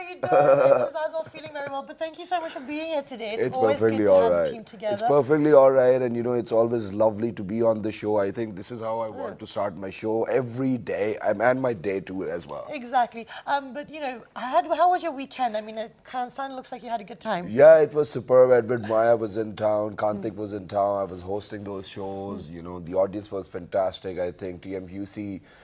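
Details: Adult speakers in a TV studio; normal speech.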